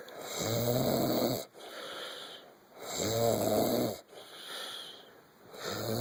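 Loud, rattling snores on each in-breath with quieter out-breaths, about 23 breaths a minute; ordinary snoring.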